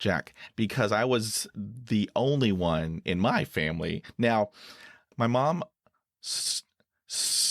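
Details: Stuttering in a 49-year-old man, an adult who stutters and reports severe blocks in which his eyes close and his breathing stops.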